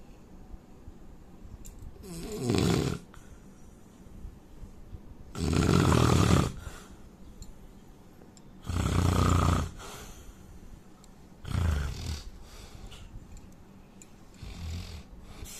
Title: Indian man snoring